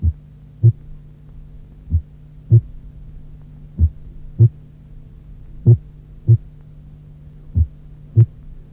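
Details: Simulated bradycardia, about 32 beats a minute, in atrioventricular dissociation, with a first heart sound varying in loudness from beat to beat; audio from a 1981 cardiac auscultation teaching course.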